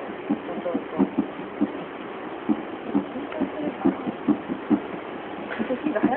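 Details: Normal heartbeat of a 2-year-11-month-old child, recorded with a simple listening device at a science museum: fast, fairly regular beats, about 130 a minute, with cloth-rubbing noise.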